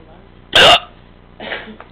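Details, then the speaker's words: Real hiccups from the person recording: a sudden sharp voiced gulp followed by a softer second catch of breath, captured on camera after several attempts. "long those are my hiccups"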